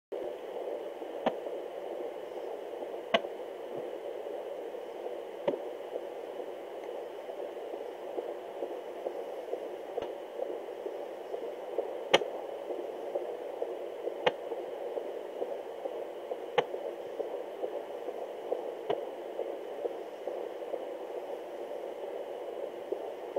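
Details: Fetal heart monitor recording: steady doppler whoosh of fetal heartbeat broken every 2-5 seconds by sharp click-like fetal hiccups; fetal hiccups on heartbeat monitoring.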